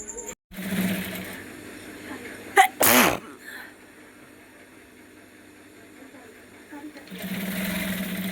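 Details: Single sharp sneeze: a quick catch of breath, then an explosive burst, over a steady machine-like background hum; filmed for a nose sneezing challenge.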